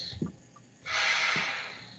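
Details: Mechanical ventilator (test unit, not on a patient) in volume assist-control mode: quiet pause, then a steady rushing hiss of air for about a second as a breath is delivered.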